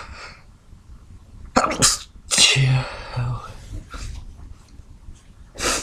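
Several loud, explosive sneezes in quick succession with sharp in-breaths and blowing exhales between them; a sneezing fit.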